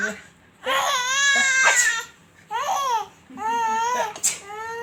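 Several rising and falling wails from a young child, with pauses between them, in a small room. An infant crying.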